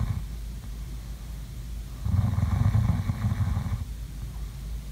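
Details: Sleeping snoring sounds: a single low, rattling rumble on a breath rising out of quiet room noise and then fading; snoring.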